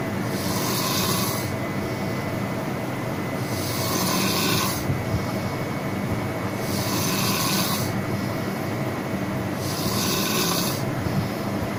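Loud, rough, rasping snores repeating about every three seconds, roughly 20 breaths a minute, each with a hissing edge, over steady room noise.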